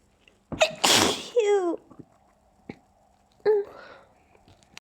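A stifled sneeze: a hissing burst with a squeaky voiced tail, then a second smaller muffled sneeze, held back to stay quiet.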